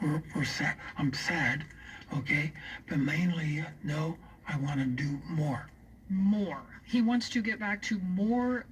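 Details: Aphasia after a stroke in a man still recovering, coaxing the words out; aphasia.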